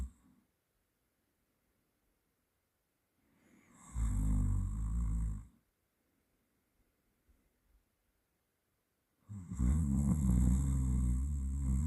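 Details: Person's self-recorded snoring during sleep: two long, coarse, fluttering snores separated by several seconds of silence, ordinary sleep snoring in a quiet room.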